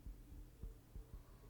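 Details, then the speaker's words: Fetal heartbeat on Doppler in labor with waters broken 12 hours; baseline around 150 but rising to 170–180, a red flag for possible infection; rapid, soft whooshing thumps: fetal tachycardia. "the baseline's been running around 150 but we were getting then you know it was up to 170 180 which is kind of a red flag that we have to take into account"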